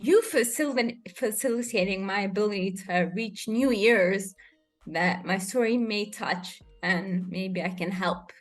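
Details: Adult woman with rare degenerative cerebellar ataxia of unknown cause, diagnosed as a pre-teen; slurred speech began in early teens, improved with speech therapy, and worsens with fatigue or emotion; ataxic dysarthria.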